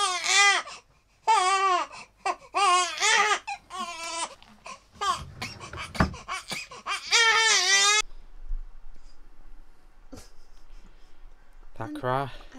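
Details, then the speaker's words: Loud, rhythmic wailing bursts with gasping breaths between, pausing then restarting, from a 9-week-old baby girl who has had some colic; infant crying. "you know she is a drama queen so I am preparing you for the cry"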